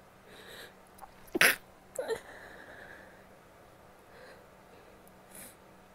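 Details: Female stifled sneezes: short, muffled, held-back sneezes with brief breathy lead-ins; suppressed sneezing.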